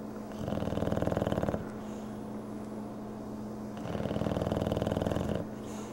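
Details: Very soft, purr-like snoring: two long rattling snores on the in-breath with a steady low room hum between them.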